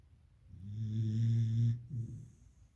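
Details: Beagle puppy in deep sleep: one loud, low, rattling snore on an in-breath, followed by a softer breath out.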